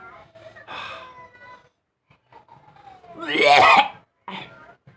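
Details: A man's single harsh, throaty cough burst with softer throat noises and breaths around it; the uploader implies he keeps smoking although he knows cigarettes are forbidden.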